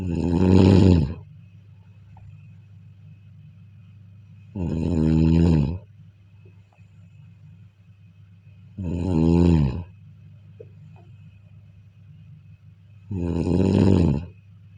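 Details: Four loud, low, rattling snores during sleep over about 15 seconds, roughly 13 a minute, with quiet breathing and faint room hum between; snoring.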